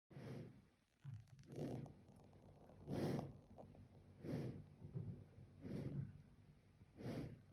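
Slow, soft, snorting breaths about 44 a minute, each a low rumbling noisy sound: snoring in a sleeping animal.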